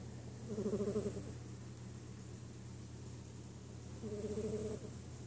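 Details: Two soft, fluttering, rattly breaths about three and a half seconds apart over a steady low hum: a cat snoring.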